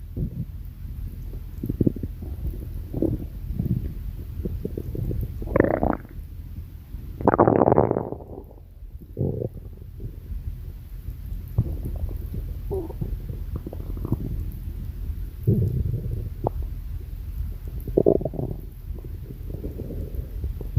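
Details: Adult stomach growling: low, rumbling gurgles and squeaky bursts of bowel sounds.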